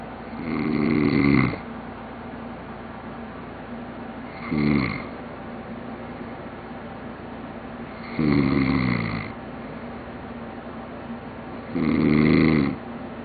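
Four rough, rattling snores on breathing in, about 16 a minute, with steady low room hum between them; ordinary snoring.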